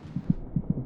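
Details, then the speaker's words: Fetal heartbeat at 26 weeks of pregnancy. The female fetus's heart beats about twice as fast as her mother's; the rhythmic beats are a fetal heartbeat. "the fetus's heart beats about twice as fast as her mother's monitoring the baby's heartbeat gives a good indication of her General condition"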